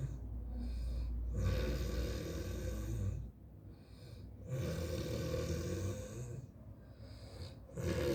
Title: live snore 😂 ऐसे खर्राटे देखे हैं कभी #खर्राटे #खतरनाकखर्राटे #snore #funnyvideo #snorevideo #enjoy